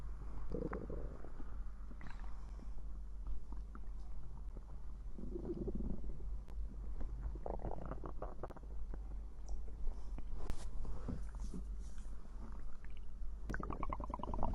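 Low gurgling rumbles and bubbling squeaks come and go over several seconds: ordinary stomach growling, a normal digestive sound.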